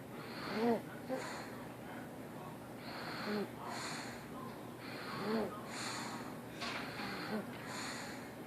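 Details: Male sleeper snoring and moaning: noisy snorting breaths every two to three seconds, some ending in a brief high moaning squeak.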